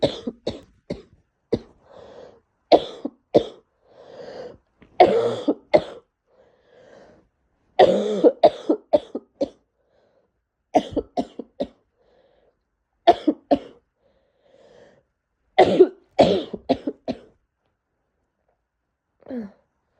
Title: Congested cold coughs